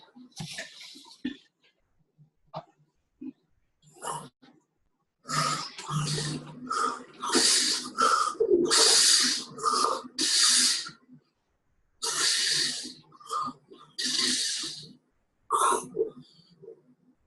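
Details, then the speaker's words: Sleep disorders lecture recording of a patient with obstructive sleep apnea: loud, irregular snorting and gasping snores broken by quiet pauses while he tries but fails to breathe; heart reportedly stops for 10 seconds, chest and abdomen still moving. "so look he's trying he's trying to breathe he's not breathing though his heart stops for 10 seconds"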